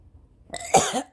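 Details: A person coughing violently, mostly uncovered, at 4:30 AM after a sleepless night, which they say is triggered by allergies during rain, with gagging: a single forceful cough after a short intake of breath.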